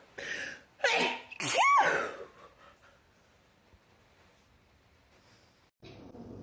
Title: TikTok Rapid Sneezing Compilation 2